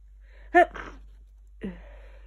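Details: Person laid up in bed with a cold for two days gives a single loud sneeze with a sharp vocal burst, followed by a short sniffing breath and a sigh.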